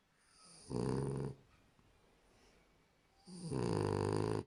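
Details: French bulldog snoring very loudly: two loud, rattling snores on the in-breath separated by a quiet pause; snoring.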